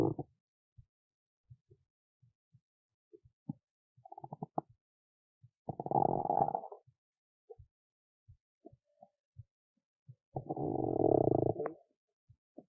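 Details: Hungry stomach after skipping lunch: gurgling rumbles with scattered pops and two long growling gurgles; typical hunger borborygmi.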